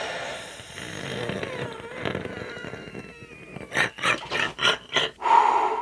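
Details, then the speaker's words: Adult woman with bronchitis on antibiotics, chest X-ray pending, recording her own breathing on the mic: noisy breathing with faint high whistling tones, then about five short rough breaths, a wheeze. "I don't know if you can hear this, but I'm gonna see if this picks up on the mic, if you can hear my wheeze."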